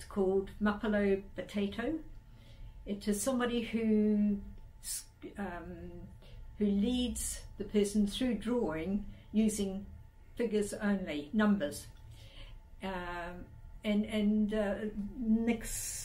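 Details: Adult woman speaking; normal speech.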